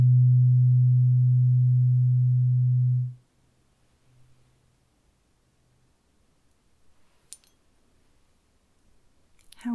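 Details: Steady low pure tone lasting about three seconds, then quiet room noise; a hearing test tone in a simulated ASMR roleplay medical exam including an ear exam and beep test.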